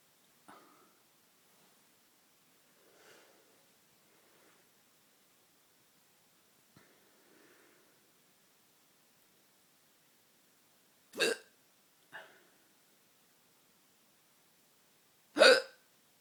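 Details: Late-night hiccups: brief, sharp, irregular catching sounds at quiet intervals, a few louder.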